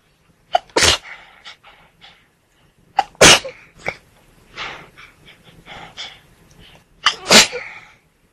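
Three sharp explosive sneezes, each with a brief in-breath before it, plus softer sniffs and breaths between them.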